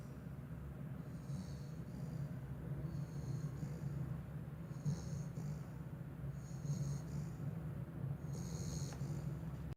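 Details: Sleeping pit bull puppy, deeply asleep with tongue out and eyes rolled back, snoring: steady low rumbling breath noise with faint rhythmic whistling snorts about every two seconds over room hum.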